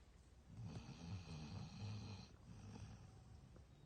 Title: snoring